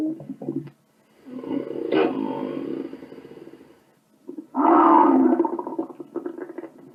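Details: Stomach growl sound effect from a compilation, not a live recording: two long, low groaning growls, the second louder, ending in gurgles; heavy tummy rumbling.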